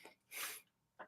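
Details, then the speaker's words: An adult gives a single sharp, hissing sneeze followed by a brief breath sound, then apologizes for sneezing. "Tôi xin lỗi về điều đó vì đã hắt hơi"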